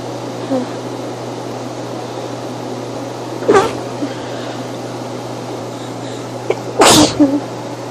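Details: Two abrupt, explosive sneezes a few seconds apart over a steady background hum; a mini sneeze attack.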